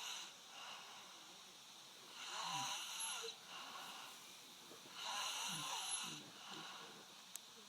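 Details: Snoring: two rasping, fluttering breath sounds a few seconds apart over quiet room noise.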